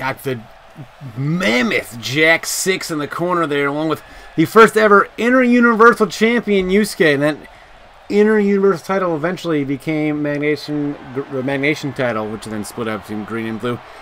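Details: Adult male wrestling commentator with a self-reported speech impediment; he struggles with certain words and says he sometimes talks too fast: speech impediment (disfluency).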